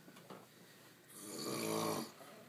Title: He says he doesn't snore.